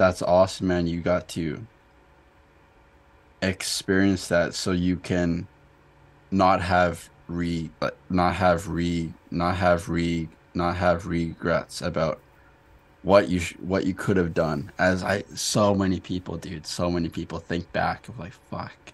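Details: Adult man who stutters; stuttering with audible word and part-word repetitions.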